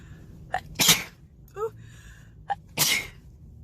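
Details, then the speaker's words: Two sharp, ordinary sneezes, each preceded by a quick inward breath, with a brief vocal sound between. "Excuse me, I know I have really loud sneezes, I can't help it."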